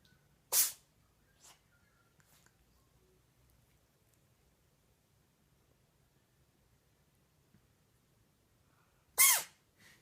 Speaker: Seller's kitten, Pharaoh, cannot stop sneezing. He's already sneezed like 20 times in a row. I think something's probably just irritating his nose.